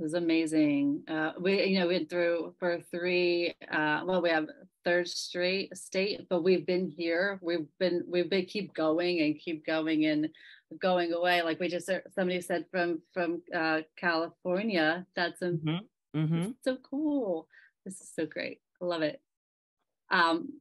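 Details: Person with aphasia speaking with repetitions, revisions and word-finding difficulty; aphasia.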